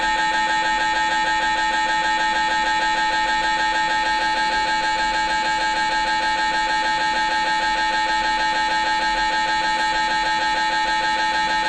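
Loud, steady, rapid mechanical knocking with a constant droning tone, about 190 pulses a minute: an MRI scanner running a sequence.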